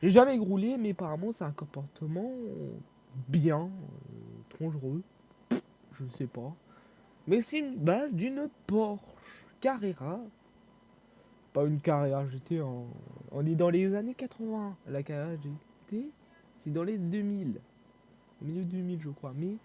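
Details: Young male French speaker who self-reports stuttering and difficulty speaking, with panic or stress from fear of mockery; stuttering.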